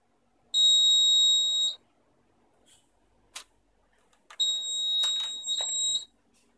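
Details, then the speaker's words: Wired eight-bed nurse call bell system main panel with presettable reminder and volume control: two loud, high-pitched continuous electronic beeps with a few clicks between; nurse call beeper alert. "it is a reminder which can be preset a reminder cycle can be lower or greater even you can reduce the volume control to reduce the volume and increase it"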